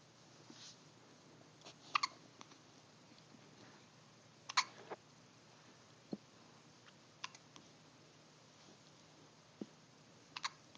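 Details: Brief, sharp clicking catches recurring irregularly, about four in ten seconds, in a quiet room; hiccups.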